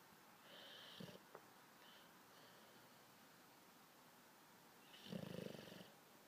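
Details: Sleeping bulldog snoring in a quiet room: two soft, rough breaths, the later a louder fluttering snore on the in-breath; snoring.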